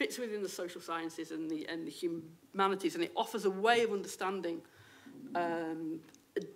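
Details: Adult woman, a university lecturer who states she has a stammer; stammering.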